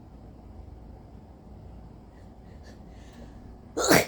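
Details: Sneeze from a person recovering from a cold with an itchy nose: quiet room, a faint catch of breath, then one short, sharp sneeze at the very end; wet phlegmy coughs noted that day.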